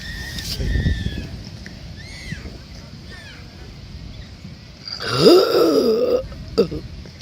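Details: A Polish woman burps: a long, loud, voiced belch lasting about a second, then a short second burp, with brief talk and room noise around it.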